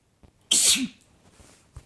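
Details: Man sneezing: a short quick inhale, then one loud, hissing sneeze with a brief voiced end; ordinary sneeze.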